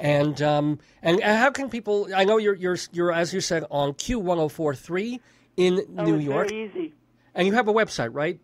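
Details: Adult male speaker; Normal voice.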